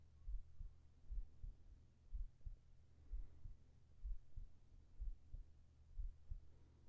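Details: Binaural ASMR sleep audio of a heart sound while lying together: soft, regular, low double thumps at about 62 beats a minute with a steady low hum behind them; ordinary normal heartbeat.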